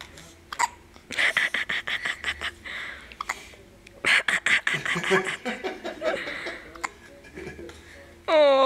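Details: Repeated short, sharp hiccup sounds in bursts from a baby, with a camera shutter and adult voices in the background; hiccups.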